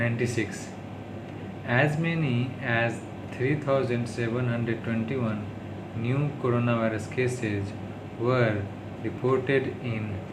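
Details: Adult man who stammers, speaking English on day 36 of daily speech-therapy practice; he calls it his worst stuttering, worsened by tiredness, stress and low mood; stuttering.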